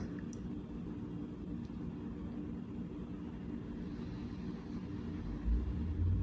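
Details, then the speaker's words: Automatic talking upper-arm blood pressure monitor pumping up the arm cuff, held at heart level while keeping still and quiet, with a low steady motor hum; result 142/77 mmHg, heart rate 65, reported as mild hypertension. "So now I can feel the cuff tightening on my arm. You can't see it on video, but it is tightening on my arm. I believe you can hear it."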